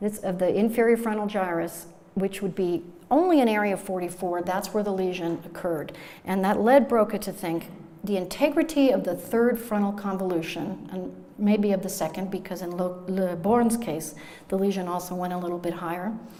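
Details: Adult woman lecturing; normal speech.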